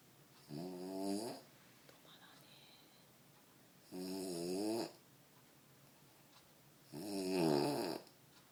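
Loud, rough, rattling snores on each breath in, about 20 breaths a minute, with quiet exhalations between.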